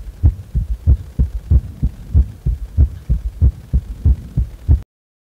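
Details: Heart sounds recorded while resting lying on the back: steady paired lub-dub beats at about 94 a minute in a regular rhythm; normal heart sounds.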